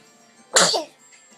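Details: Sneezing: a single sharp, explosive sneeze with a hissing burst of air, then a brief voiced tail; faint background music.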